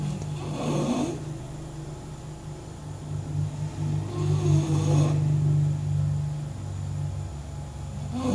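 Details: Snoring from a sleeping English bulldog: a deep, continuous rumbling snore with snorting surges about every four seconds.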